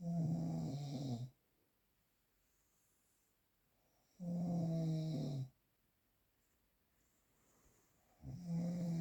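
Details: Real analog recording of snoring, without post-processing.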